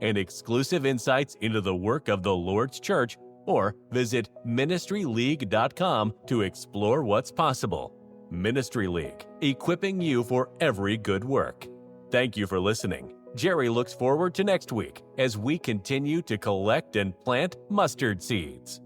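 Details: Adult male narrator; normal speech.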